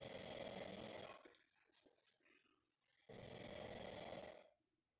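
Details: Two loud, rough, rattling snores separated by a quieter breath out, from a man sleeping while being pranked; typical snoring.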